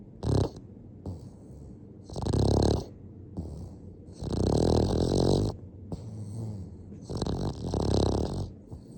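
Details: Sleeping Boston terrier dog, dreaming with eyes wide open: loud, rough, rattling snores in uneven bursts about 22 times a minute, with quieter breathing between them; snoring.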